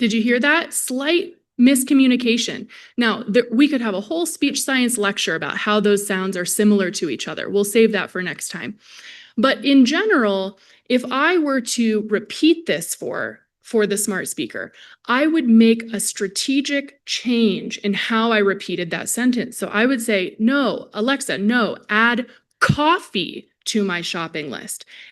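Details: Adult woman speaking; Normal speech.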